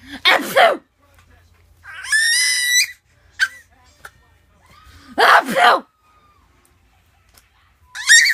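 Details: Faked adult sneezes directed at a 6-month-old baby boy, two sharp simulated sneeze-like bursts each followed by his high-pitched squealing laughter; sneezing is deliberately faked.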